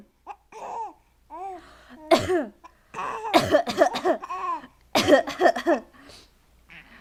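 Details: Baby sneezing, along with a cough and a laugh, just before tummy time.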